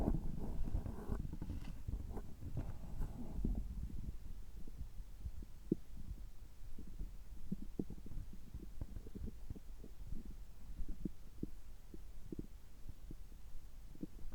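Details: Abdominal sounds of an adult recorded just after a screening gastroscopy with normal results: low gurgles and scattered soft pops and clicks, a brief louder rumble at the start; ordinary bowel sounds.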